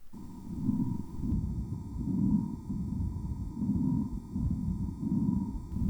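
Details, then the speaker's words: Normal breath sounds heard through a stethoscope on the chest: soft, low rustling swells of airflow with a faint steady tone. "健康診断で医師が聴診器を胸に当てますね。どんな音が聞こえていると思いますか？こんな呼吸音です。"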